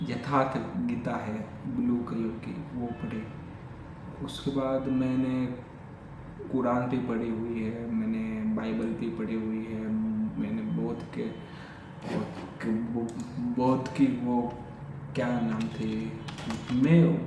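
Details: Adult male who has stammered since childhood, speaking in Hindi during daily stammering practice — stuttering.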